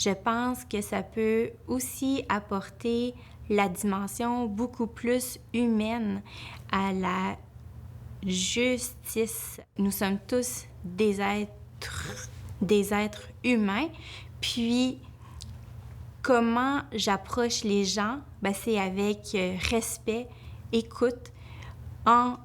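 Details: Adult woman, a family law lawyer, who stutters, with a word repetition; she reports her stuttering increases greatly when nervous; stuttering.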